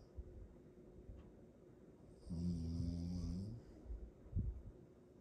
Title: Rottweilers Snore LOUD